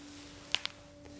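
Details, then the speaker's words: Two sharp, dry cracking pops from an adult physical therapist's own knees, patellofemoral crepitus from the joint behind the kneecap; he says such noise is not worrying without pain. "So today we are looking at knee pain and cracking and popping, noises that come from the knee joint or anywhere in the body. The term that we typically use is called crepitus."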